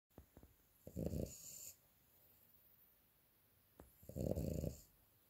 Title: Ringo the frenchie,s afternoon nap (snoring 😴🤪)